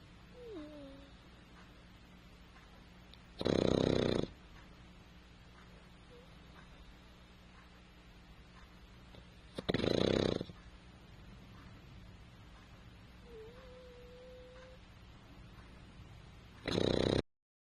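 Three loud, brief snorting snores about six to seven seconds apart over a steady room hum, with faint whistling sounds in between.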